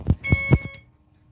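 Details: Steady electronic beeping with a few handling thuds, fading out: an IV infusion pump alarm at the bedside of a hospitalized mother on chemotherapy awaiting unexpected surgery.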